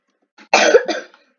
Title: My voice reveal (sorry for my keyboard plus i am sick so thats why i am coughing)